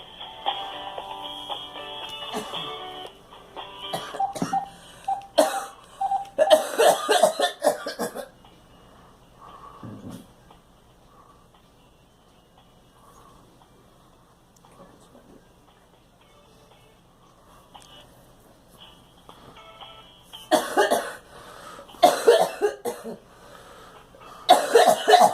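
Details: Girl coughing: two clusters of harsh, forceful coughing with throat clearing, separated by quiet, with music at the start.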